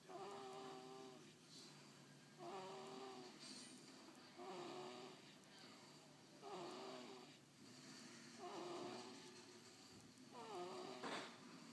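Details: Snoring: rhythmic rattling snores on each breath, about six over twelve seconds (roughly 29 a minute), against steady room noise; ordinary snoring.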